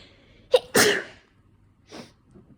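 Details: Winter sneezes from someone with a slight dust allergy, triggered by cold weather sniffles or indoor heating: a quick in-breath, one explosive 'ah-choo', then a soft breath out. Some clips recorded with an itchy nose and headache, a possible oncoming cold.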